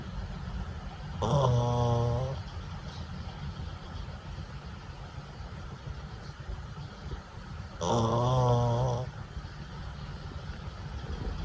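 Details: Sleeping puppy snoring so loudly that another dog will not sleep with her; two long, loud, vibrating snores about six seconds apart over steady background noise.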